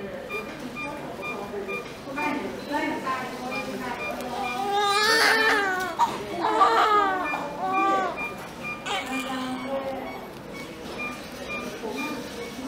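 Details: Newborn boy immediately after delivery, under nurse care being measured and dressed; repeated high-pitched crying in bursts with adult talk, a steady beeping tone and room noise behind; a normal newborn cry.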